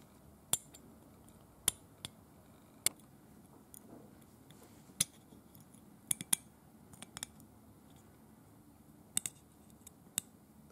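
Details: Simulated dental hand scaling on a painted teeth model, not a real patient: sharp, irregular metallic scrapes and clicks of a hand scaler over quiet room noise; aggressive scaling of the paint.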